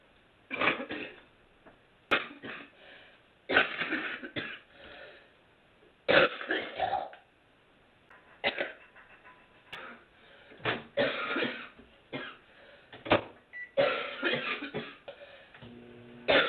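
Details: An adult woman who smokes coughs repeatedly in harsh, throaty bursts: a chronic smoker's cough.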